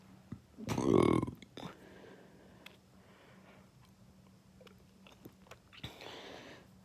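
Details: One loud, forceful, low rumbling burp attributed to fast food, followed by quiet clicks and chewing-like mouth sounds in a small room; belching (eructation).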